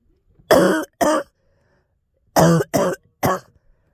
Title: Girl Coughing 424